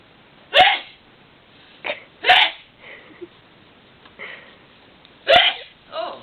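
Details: Elderly woman outdoors: three loud, sharp sneezes, each with a quick in-breath before it, plus smaller softer sounds between them; sneezing.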